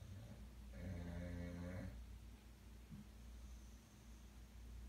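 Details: One low, rattling snore lasting about a second over room hum from a sleeping dog that snores every night; ordinary snoring.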